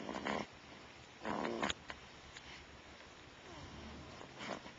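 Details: About one month old, snoring like an old man: short, rough, rattling, snorting breathing bursts repeating at intervals.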